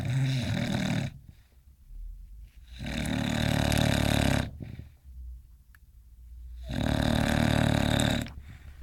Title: BONKIE - English Bulldog snoring and dreaming